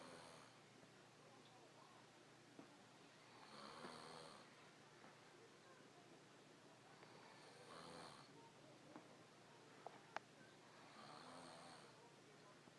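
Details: Snoring during sleep: soft, rough breathing noises recurring every few seconds over steady room noise.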